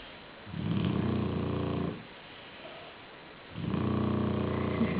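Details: Black shar-pei dog asleep on a pillow, loud, low, rumbling snores on each long breath, about one every three seconds with quiet gaps; snoring.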